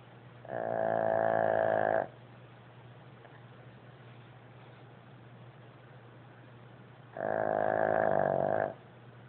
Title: Abigail the pug snores